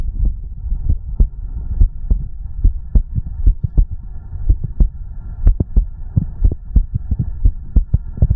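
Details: ASMR recording close to the body: low, dull thumps, some in pairs, over a steady low hum. Heartbeat.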